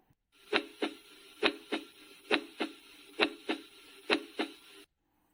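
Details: Normal heart sounds from a cardiac auscultation tutorial, described as how the lub-dub sounds in an adult, a child or a newborn; the clip follows the adult, child and newborn examples.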